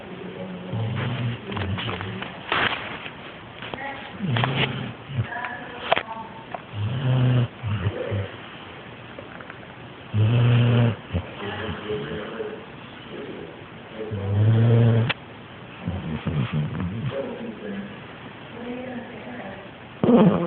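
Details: Female yellow Labrador snoring: repeated loud, low, groaning snores every few seconds with snorting breaths over some background noise.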